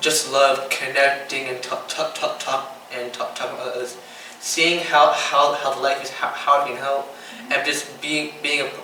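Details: 15-year-old boy with Tourette syndrome diagnosed by a neurologist in third grade, whose tics include stuttering when talking, blinking, coughing and mouth noises; Tourette syndrome with stuttering-like word repetitions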